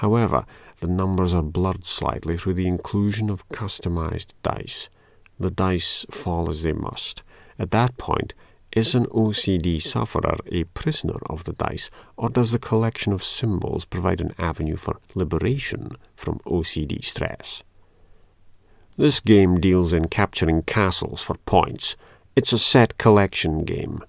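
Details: Adult male speaker; no disorder.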